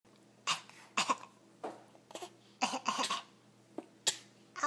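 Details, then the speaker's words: Male infant with a bad cough: a run of about eight short, harsh coughs, some doubled, with quick breaths between. "he got bad cough he's got a bad cough oh what a bad cough"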